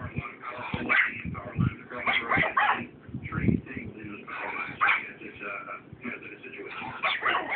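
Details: Dog's wheezing bark: a run of hoarse, breathy, wheezy barks and whines instead of clear, sharp barking.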